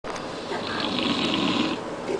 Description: My father-in-law snoring very loudly in a Thailand Hotel